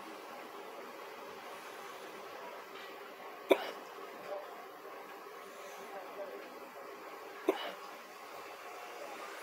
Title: Another episode of hiccups